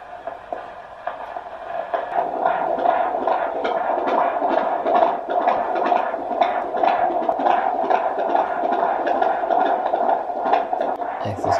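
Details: Rapid, regular whooshing pulses at about 132 beats a minute over a steady hum: fetal heartbeat on Doppler ultrasound at a midwife appointment, at 40 weeks plus 3 days of pregnancy.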